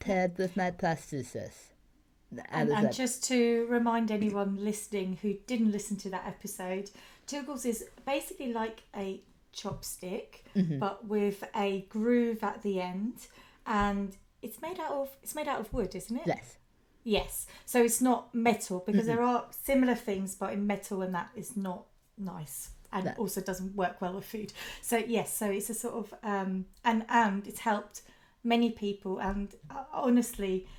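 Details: Adult women in conversation; typical speech.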